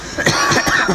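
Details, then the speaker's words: During a live late-night (around 3 am) religious poetry gathering, a performer coughs right after joking about coughing on stage. "बात किया खांसी की, तुरंत आ गई। अल्लाह सलामत रखे।"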